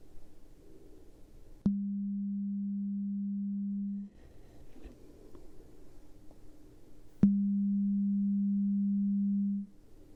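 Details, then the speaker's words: Role-played (ASMR) pure-tone hearing test through headphones, the client raising a hand at each beep or naming which ear hears it: two steady low pure tones, each about 2.5 seconds, with quiet between. "All right, so next we have some headphones and we're going to put them on and we have a beep test. Okay. So, this beep test, there's two different types. So, we have a um every time you hear it, you'll raise your hand."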